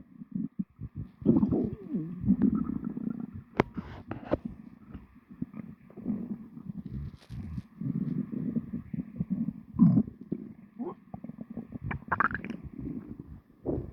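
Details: Stomach recorded right after lunch: long stretches of low gurgling, rumbling and bubbling with squeaky bursts; loud bowel sounds (borborygmi) of a full stomach during ordinary digestion.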